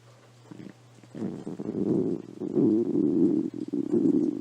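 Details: Stomach growling from someone with a cold who had eaten nothing all day, recorded on a phone: low gurgling, bubbling rumbles in irregular bursts over faint background hiss; borborygmi.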